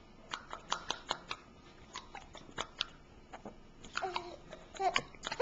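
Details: Giggling that turns into hiccups: laughter breaks into short, sharp, regular catches of breath, about a dozen in a few seconds.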